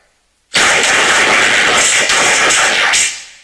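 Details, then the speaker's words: Simulation of how a spoken Spanish sentence sounds through a cochlear implant: harsh, hissing, noise-like speech with no clear voice pitch. "y así es como los científicos creen que una persona oye esta misma frase con un implante coclear hoy vamos a lograr eso"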